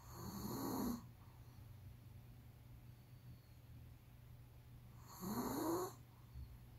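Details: Pomeranian dog snoring heavily while asleep: two loud, rough inhaled snores about five seconds apart with quiet breathing between.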